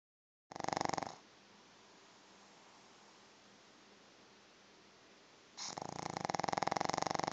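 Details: A sleeping Pug snoring: two loud, rattling snore bursts separated by a quiet stretch.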